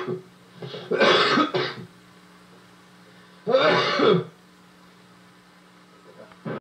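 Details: Adult man in a film scene coughs and chokes while smoking, apparently marijuana, during an anti-drug monologue; two harsh, strained coughing and throat-clearing bursts over a low hum: cough.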